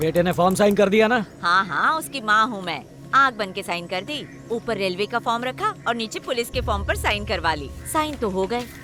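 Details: Adult female speaker, dubbed film dialogue; ordinary speech.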